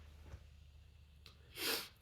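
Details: Sneeze during a reading of the poem The Raven: a short in-breath followed by a single sharp, explosive sneeze.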